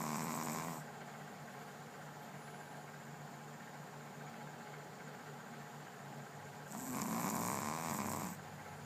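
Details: Snoring: two rough, rumbling snores on breathing in, separated by about six quiet seconds.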